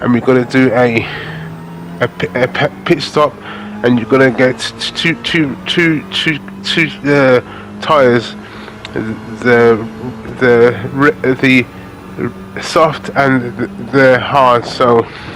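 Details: Adult man with aphasia following a major stroke in August 2013, doing spoken gaming commentary as speech practice; aphasia.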